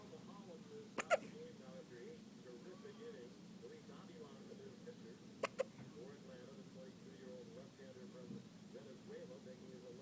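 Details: Newborn baby on day 1 of life with hiccups: two sharp paired hiccups about four seconds apart over quiet background talk; the hiccups briefly seemed to stop, then returned.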